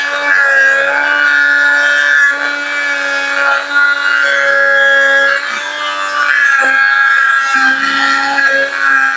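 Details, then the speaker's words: Orthopaedic clinic removing a hard leg cast from a patient who broke a leg bone falling during training march: oscillating cast saw's steady high-pitched motor whine, pitch shifting as the blade cuts the plaster. "আজকে আমরা একটা মেশিনের মাধ্যমে খুব অল্প সময়ে আমরা এই ড্রিল মেশিনের মাধ্যমে এই আজকে আমরা এই প্লাস্টারটি খুলব।"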